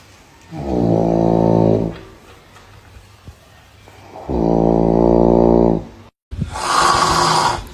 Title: funniest snore moments #snoring #sleep #funny #lol #fpy